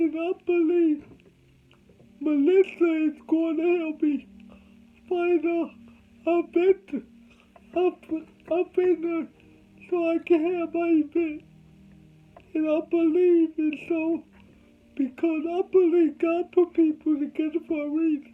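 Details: Adult male with cerebral palsy; dysarthria (cerebral palsy).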